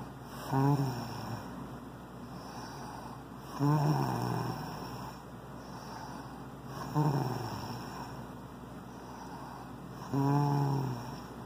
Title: Best snoring one yet...